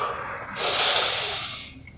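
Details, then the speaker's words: 25-year-old patient sitting forward during a respiratory examination, asked to breathe fully out then deeply in while chest expansion is checked from the back, found symmetrical: normal deep breathing. "okay so now if you can do the same as before take a full breath out and then deep breath in for"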